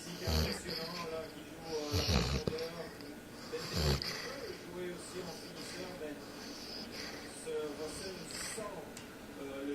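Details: Female Basset Hound sleeping and snoring loudly: soft snorting snores at irregular intervals, with talk and music in the background.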